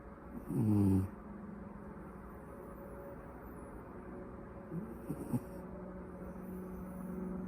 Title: Sleeping and Snoring